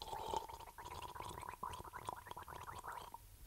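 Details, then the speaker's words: Patient's breath sounds via stethoscope: wet, bubbling, gurgling crackles, sounding as if drowning. Coarse crackles. "as you can tell it sounds like the patient is drowning now coarse crackles"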